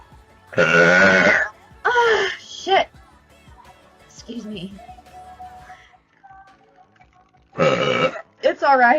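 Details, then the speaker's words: A woman burping from gas, which she says does not hurt but makes her stomach jump: several loud, voiced belches in short bursts, with quieter throaty sounds between them and faint music behind. "That felt so good. Probably gas will do that to me. Excuse me."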